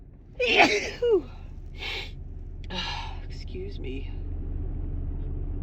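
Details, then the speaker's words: Female with dust allergy, sneezing in her car: one strong voiced sneeze with a gasping intake, then a few breathy follow-up bursts over low rumbling background; allergic sneezing. "I think I have to sneeze again. It tickles."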